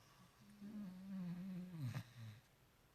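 A single drawn-out, low, droning snore from a sleeping dog that ends in a brief snort.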